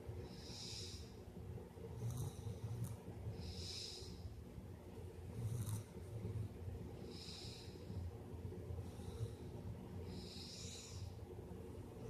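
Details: A 3-year-old child snoring during sleep with soft, regular noises on each breath, about 18 breaths a minute, over steady low background noise; snoring.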